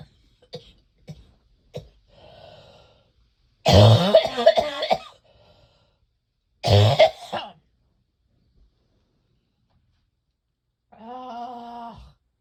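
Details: Small throat clears, then two bouts of deep, harsh repeated coughs ending in a groaning exhale, from a person with heavy chest congestion who is coughing themselves sick; a productive, chesty cough.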